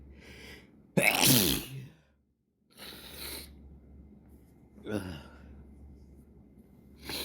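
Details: Morning sneezing fit caught before breakfast: a run of loud, explosive sneezes, each with a sharp inhaled catch before the burst.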